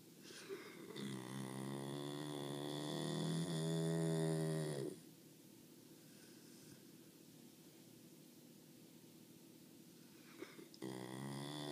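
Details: An American Bulldog snoring: a long, loud, rumbling snore on the in-breath, a quiet out-breath, then the next snore starting.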